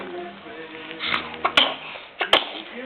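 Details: 5-month-old infant gives two brief sharp sneezes, each after a quick intake of breath, over background music and room noise while other kids play nearby; infant sneezing.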